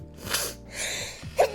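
Two breathy build-ups followed by a sharp explosive burst, a sneeze.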